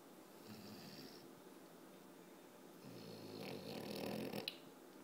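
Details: French Bulldog snoring while awake, trying to sleep: rough, rattling snore-like breathing, louder toward the end with a snort; brachycephalic airway noise.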